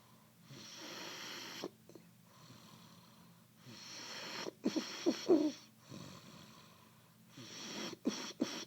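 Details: Topless person in heavy sleep snoring loudly: harsh snoring on each breath, with sputtering snorts and throaty rattles in between.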